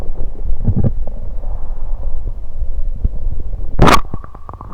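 Low, bubbling gurgles and rumbles, then a brief loud rushing burst and a few quick clicks: active bowel sounds, stomach rumbling.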